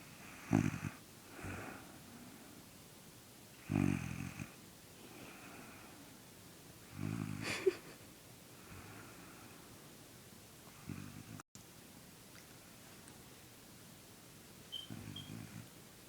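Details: A little brother in deep sleep who does not wake when roused: rough, rattling snores on the in-breaths with quieter out-breaths, about 18 breaths a minute at an uneven rhythm; snoring.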